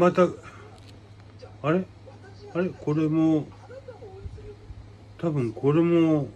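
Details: Adult man with aphasia and hemiplegia following a brain hemorrhage, with paralysis; real patient speaking spontaneously; aphasia.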